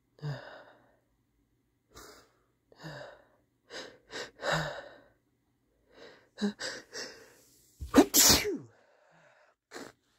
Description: what a relief! ft. a messy blow at the end